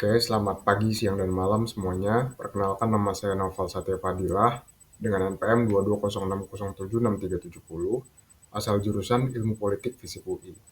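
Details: Adult male speaker; Normal speech.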